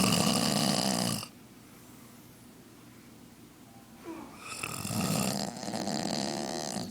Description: Serious snoring.